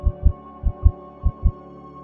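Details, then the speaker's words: Fetal heartbeat on a home CTG fetal monitor's FHR Doppler probe, moved over the abdomen until a sustained heartbeat is found: rhythmic, soft whooshing thumps in paired pulses over a steady hum. "move the fhr sensor left right up and down slightly until you hear sustained heartbeat and fix it with the straps or surgical tape securely"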